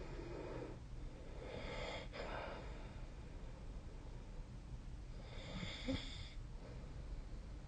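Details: Snoring: low, rough snoring breaths over steady background hiss, about three in eight seconds.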